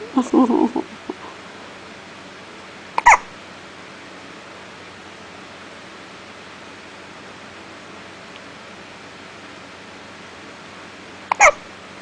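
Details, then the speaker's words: Hiccups in 5-day-old newborn: brief infant vocal sounds, then two short sharp catches about eight seconds apart over quiet room noise. "got the hiccups going."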